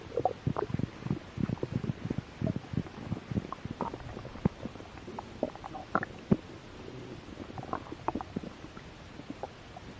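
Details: Close-up ASMR recording of belly while a little hungry: continuous low gurgling and rumbling with bubbly pops; stomach growling (borborygmi).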